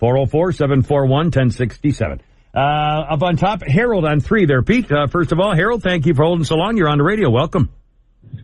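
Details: Adult male radio host; normal speech.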